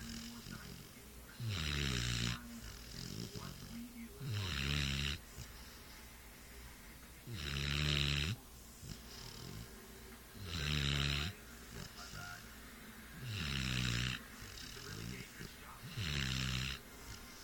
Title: Snoring dog